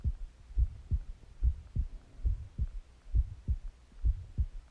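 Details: Person's own heartbeat recorded while lying down, partly asleep: steady, regular lub-dub at about 67 beats a minute with a faint low hum behind; a normal resting heartbeat.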